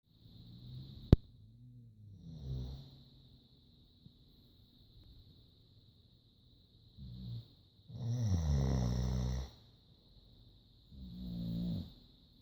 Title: Caught in the middle between fiancé and boxer snoring